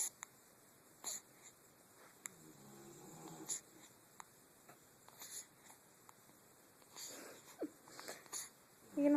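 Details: Newborn about 3 weeks old with hiccups: short, abrupt hiccup jolts recurring every couple of seconds in a quiet room with soft adult talk; newborn hiccups.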